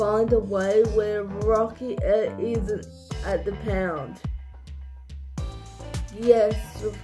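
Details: Adult speaker with cerebral palsy; dysarthric speech (cerebral palsy).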